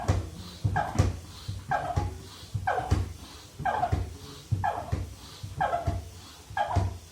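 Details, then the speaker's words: Persistent cough in an adult assistant, reportedly lasting over a week: a run of about seven short voiced cough bursts, roughly one per second, in a small room; the cough reportedly eased after eco-enzyme spray. "Hai air yang tadi batuk-batuk Ya udah sembuh disemprot dengan ee 1 banding 50"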